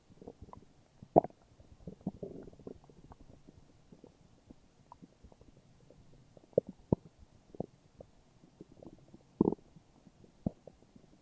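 Quiet gurgling and rumbling with scattered sharper pops from the belly: ordinary stomach growling, normal bowel sounds.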